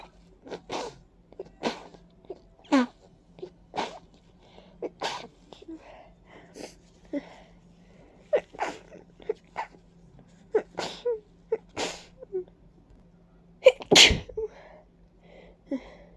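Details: Repeated huge, wet, congested sneezes, about a dozen forceful sneezes with congested breathing between, from a stuffy person with a runny nose and watery eyes who attributes it to ragweed and dust allergy; repeated sneezing.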